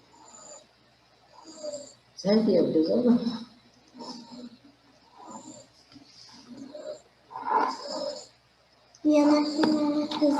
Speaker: 2-year-old child came to our clinic with massive bronchial obstruction and pronounced wheezing. His mother has inhaled the child several times with salbutamol, ipratropium, gave him rectally prednisolone, but without success. You can hear the wheezing without auscultation.